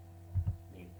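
A single heartbeat with a faint murmur at the start of systole, over steady electrical hum.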